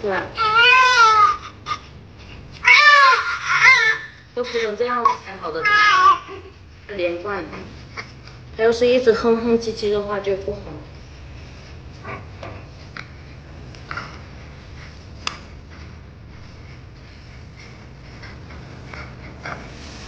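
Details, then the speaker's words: Newborn baby: loud, sustained, continuous crying in bursts, then quiet room noise; a strong continuous cry is described as good, whereas constant whimpering would not be. "就哭成这样就不哭了，要哭成这样才好的，连贯。他要是一直哼哼唧唧的话就不好。"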